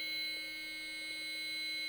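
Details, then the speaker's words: Training demonstration of AED use on a child in BLS, healthcare-provider course: after rhythm analysis and "shock advised, charging, stand clear" prompts, a steady high-pitched buzzing alarm sounds while the AED waits for the shock button; AED shock-ready alarm. "Shock advised. Charging. Everyone stand clear. Everybody clear."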